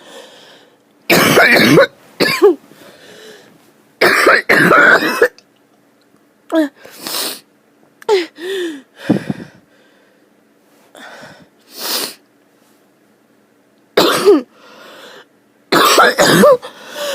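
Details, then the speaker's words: Adult harsh coughing fit while unwell, reaching for an inhaler: repeated harsh, rasping coughs in clusters, with strained, noisy breaths between bouts. "Oh, I need my inhaler. Goodbye. And I'm still cough coughing."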